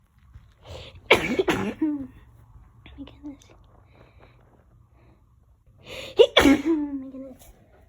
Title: Powerful Sneezes